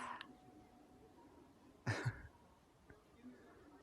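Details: Sneeze from a smiling baby who has just been fed: a single small, abrupt infant sneeze in a quiet room.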